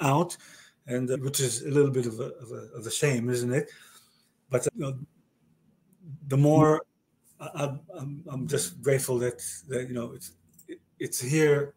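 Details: Male stroke survivor with aphasia following a stroke about 30 years ago, with word-finding difficulty in conversational speech; aphasia.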